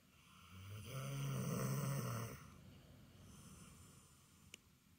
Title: Thor snore